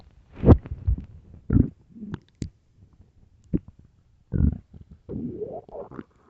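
Loud, low gurgling and rumbling bursts with squeaky rising tones: hunger-related stomach growling.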